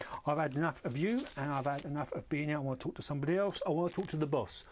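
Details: Man (played by an actor) referred by his GP, presenting with mania with flight of ideas, disinhibition, punning, grandiose delusions and second-person auditory hallucinations; becomes irritable: pressured speech (mania).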